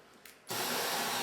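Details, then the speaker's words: CPAP setup with PEEP valve on face mask, oxygen from portable cylinder via regulator and air-mixing valve: quiet, faint click, then sudden loud steady rushing hiss as CPAP airflow starts with oxygen flowing. "you can hear the CPAP start working, you can hear the oxygen flowing."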